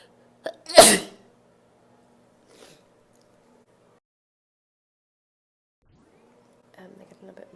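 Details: One loud, unstifled sneeze preceded by a sharp intake of breath, then quiet with faint room sounds; ordinary sneezing.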